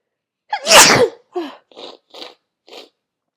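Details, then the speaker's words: Acted sneeze from a young woman sneezing all day, attributing it to allergies: one loud sneeze followed by several quieter sniffs. "I don't I'm not I mean I'm sneezing a lot. That's true. But it's just my allergies. It's just my allergies."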